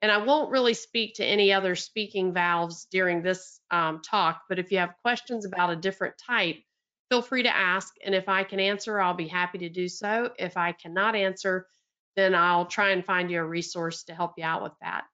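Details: Adult woman speaking; normal speech.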